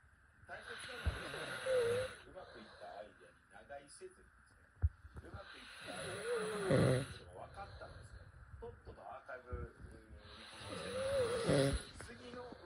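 Three long, whistling, fluttering snores about every five seconds, with small clicks and shuffling between; noisy sleep snoring.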